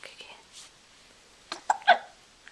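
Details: Hiccups recorded on a Flip Video camcorder: soft breathy sounds followed by a few short, sharp catching noises.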